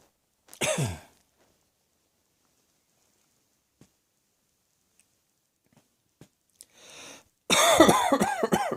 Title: Cross Dressing Coughing 110